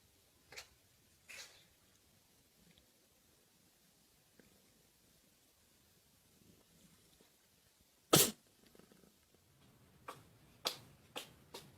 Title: Funny & cute pets videos: Cat Sneezing is adorable